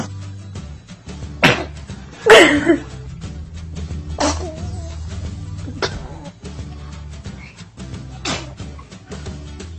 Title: When did sneezing become so cute?